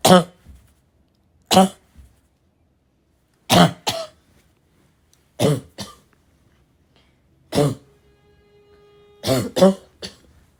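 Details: Girl with harsh, raspy, barking-type cough: about seven bursts, mostly in pairs with throat clearing, in a quiet room; rough, irritated raspy cough.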